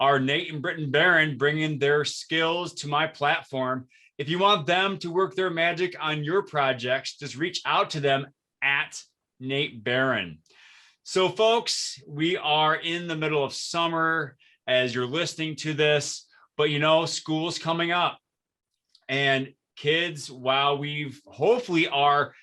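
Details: Adult male speaker; normal speech.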